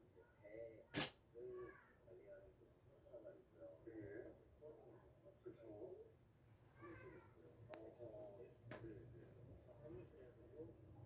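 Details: Cat sneezing: a single sharp sneeze near the start, then a person speaking softly and the cat making small sounds.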